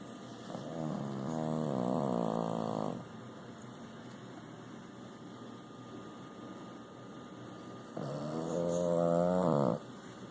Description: Snoring Boston Terrier